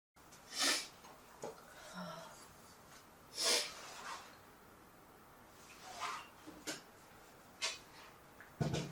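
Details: Two loud, sharp sneezes a few seconds apart, then several softer sniffs or smaller bursts in a quiet small room: sneezes.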